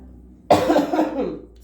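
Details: One loud voiced cough with a brief throaty tail from an adult recovering from a cold, using N-acetylcysteine to loosen mucus and improving over several days; cough.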